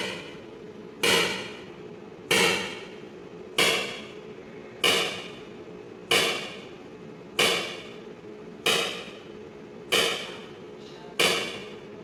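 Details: Extracorporeal shock wave lithotripsy (ESWL) of a left kidney stone, targeted by C-arm fluoroscopy through a fluid-filled membrane: sharp, regular knocking bangs about 47 a minute, each fading quickly, as if something is breaking.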